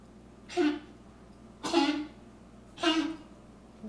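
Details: Female dog at the tail end of a coughing spell: three harsh, honking cough bursts, about one a second.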